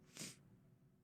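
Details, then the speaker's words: Single sharp adult sneeze into a microphone with an echo effect accidentally on, during a live stream. "I hate sneezing into the microphone I've never done that before in my life"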